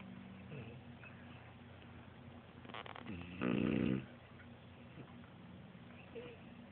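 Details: Soft snuffling snores with one louder rattling snore from a French bulldog during a Sunday nap; snoring.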